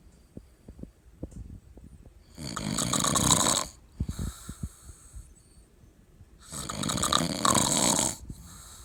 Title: Drunk Snoring Husband